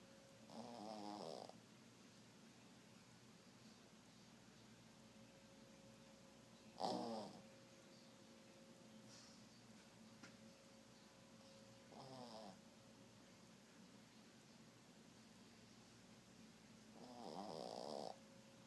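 Soft, fluttery snores recur roughly every five seconds, about 12 a minute, in a quiet room with a faint steady hum.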